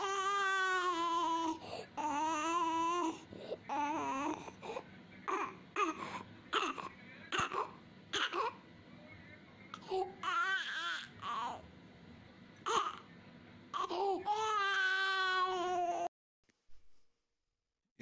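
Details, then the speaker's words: Infant boy, ill after vomiting, seen by a doctor, cries with short, harsh, barking coughs at night: croup cough, explained as windpipe narrowing from swelling. "हम croup कफ कहते हैं यह बच्चों को बहुत common है इसके अंदर जो विंड पाइप होता है ना वह साइज में कम हो जाता है क्योंकि स्वेलिंग हो जाती है उसके चारों तरफ"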